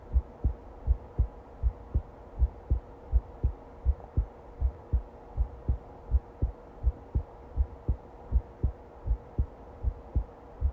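Steady, regular low thumps at about 80 beats a minute over a faint hum; a normal heartbeat rhythm.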